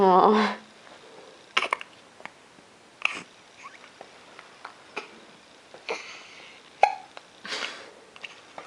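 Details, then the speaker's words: Short, sharp, abrupt catches of breath about every second, with a brief voice at the start; recurring hiccups in an infant. "Got those darn hiccups again."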